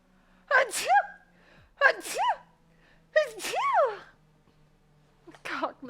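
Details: Female streamer during a live stream: three quick high-pitched sneezes with sharp intakes of breath, then a fourth starting, a rapid sneezing fit.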